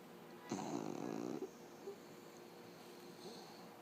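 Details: Puggle after spay surgery, at home: one long snoring, snorting breath with a rattling quality, then quieter breathing; snoring-like noise.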